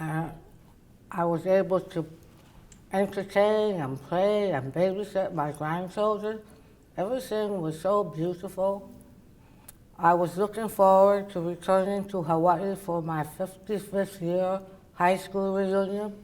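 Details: Adult woman, oral cavity cancer survivor treated with partial glossectomy and reconstruction then radiation; her tongue cannot reach the roof of her mouth and she uses a palatal appliance; others struggle to understand her; articulation disorder after partial glossectomy.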